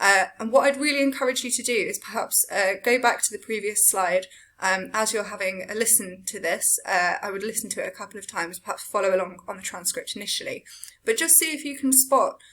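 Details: Adult woman, lecturer; Typical fluent speech.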